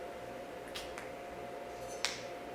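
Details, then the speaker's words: Three brief, sharp pops from toe joints cracked on purpose by a person with Ehlers-Danlos syndrome, over a low steady room hum; joint cracking (crepitus). "You gotta tense up and go like that, but as with any joint, never force it beyond its capabilities."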